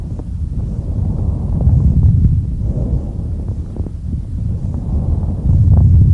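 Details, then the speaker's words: Bronchial breath sounds in a patient with pneumonia, heard by stethoscope on the chest during deep open-mouth breathing: loud, hollow, blowing breaths with distinct pauses between them; also heard in pleural effusion above the fluid level. "ακούστε τη βροχικο αναπνοή σε περίπτωση ασθενούς με πνευμονία βροχικο αναπνοή ακούγεται σε περίπτωση πνευμονίας σε περίπτωση πλευριτική συλλογής"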